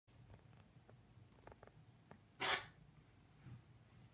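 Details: Cat in a cold hallway gives a single sharp, explosive cough amid soft clicks and breathing in a quiet room; owner wonders if the cold caused it.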